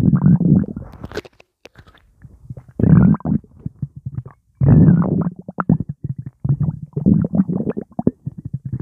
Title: Coke a cola swirling around my stomach